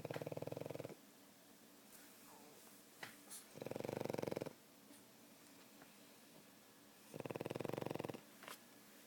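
Loud rattling snores in three long bursts, about one every four seconds, with quiet pauses between; a small dog snoring.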